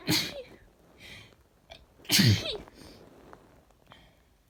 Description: Caught a cold. It was tickling all day!